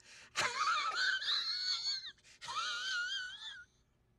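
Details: Acted wheeze imitation by a man: two long, high, whistling squeals on breaths.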